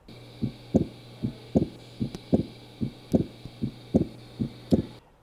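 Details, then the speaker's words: Steady simulated lub-dub heartbeat, about 74 beats a minute, clean paired sounds of valves, no murmur; normal heart sounds. "and this is the sound of a normal heart the ldb of the valve opening and"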